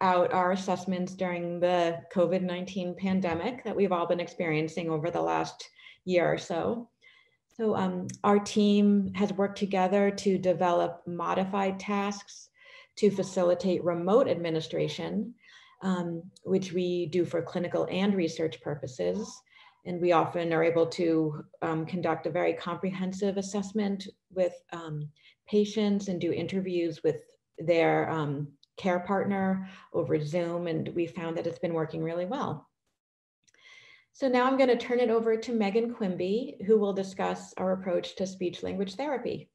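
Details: Adult woman speaking; normal speech.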